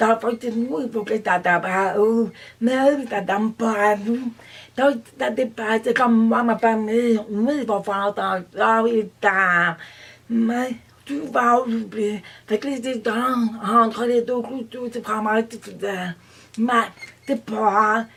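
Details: Deaf adult woman who says she does not hear and reads lips; deaf speech.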